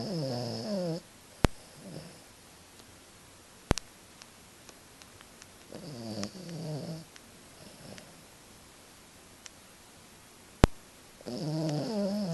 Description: Peke-a-poo "Madden" is a heavy sleeper snores as loud as our 95 lb bullador